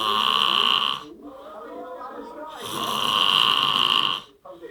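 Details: Very loud, harsh, rattling snores on each breath in, with softer breathing between them: heavy snoring.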